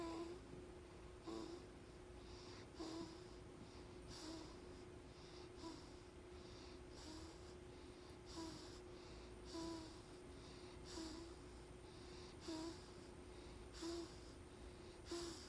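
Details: A sleeping newborn snoring: soft, regular snorting noise with each breath, about 46 a minute, over steady room hiss; noisy nasal breathing.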